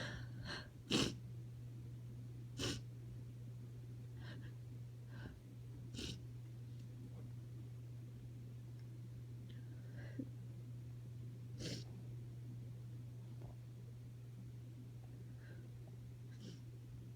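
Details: Several soft, muffled, stifled sneezes and sniffs from a female with allergies at night, suppressed to avoid waking her sleeping partner, over a steady low room hum.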